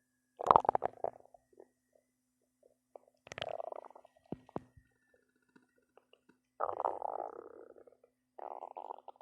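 Bubbling, gurgling rumbles in several bursts with quiet gaps; ordinary loud bowel sounds.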